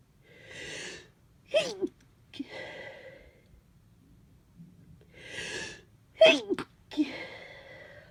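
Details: Two sneezes from a person with a mild head cold, stuffy with a runny nose, each with a breathy intake, a sharp burst and a trailing exhalation.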